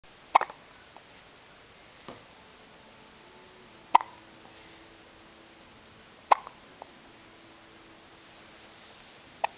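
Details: Three-day-old baby girl with hiccups after her breakfast feed: sharp, brief, irregular hiccups in a quiet room, about five in ten seconds.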